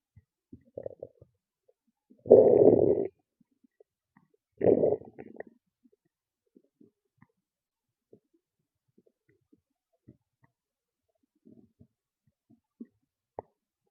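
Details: Loud stomach growls and gurgles: two loud low gurgling growls from the belly, then quiet with faint scattered clicks; ordinary bowel sounds.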